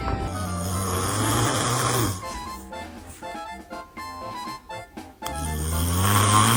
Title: Cute Baby Reactions to Dad Snoring 😴😂|#3| Baby Shorts